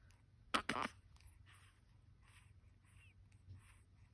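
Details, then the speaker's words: Infant girl wheezing that worsens when fed, with quick, soft, noisy, labored breaths and a faint whistling edge; mother called an ambulance to take her to hospital. "it's like a little wheeze in there every time I feed her she started acting all crazy"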